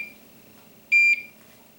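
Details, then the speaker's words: Single clear high-pitched electronic beep in a quiet room as a Curlin portable battery infusion pump powers on, while setting up home saline infusions through a PICC line for POTS. "Turn on your pump. And then it's going to beep a few times."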